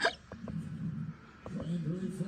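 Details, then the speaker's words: Cartoon hiccups, not real: character Lola in a Thomas & Friends animation, after drinking lemonade too fast, gives four short, sharp hiccup sounds in two pairs over soft background music. "I'm uh-oh I think Lola got the hiccups Lola I told you not to drink that lemonade too fast"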